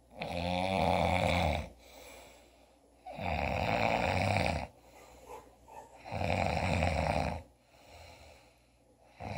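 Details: Loud, rattling snores on each breath in, about three in nine seconds, with quieter breaths out between them; snoring.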